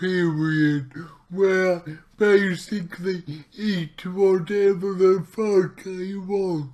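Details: Man with cerebral palsy, trying a keto diet to see whether it affects his CP; real speech, heavily distorted; dysarthria (cerebral palsy).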